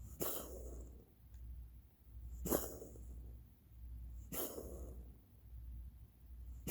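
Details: Pet's coughing recorded to show the vet, owners suspect asthma: three sharp, spaced coughs with brief harsh trailing breaths.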